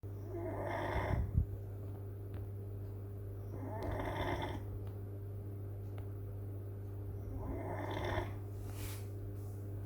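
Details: Old Beagle snoring: three slow, rattling snores over about ten seconds, with a steady low hum in the background.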